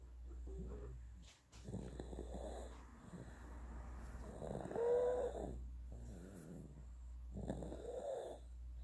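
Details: 9.5-month-old baby boy snoring and drooling: soft, repeated snoring breaths with light whistling and snorting over a steady low room hum; mild infant snoring.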